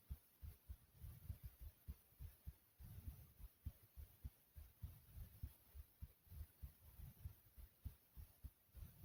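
Steady, soft, low thumping beats at roughly 100 a minute, over a faint hiss; an ordinary heartbeat.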